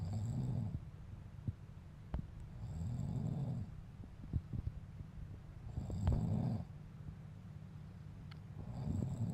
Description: this man was secretly recorded by his son while asleep. the man snores everyday but denied this always when questioned by the son,the son secretly record this funny video.